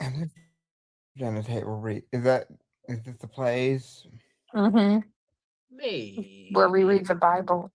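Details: Adult speaker; typical speech.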